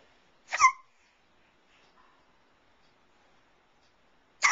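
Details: Infant hiccups at 3.5 months old: two short, abrupt hiccup sounds about four seconds apart in a quiet room, typical harmless infant hiccups.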